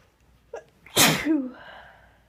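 A short intake of breath, then one sudden explosive sneeze with a brief voiced tail; an ordinary sneeze.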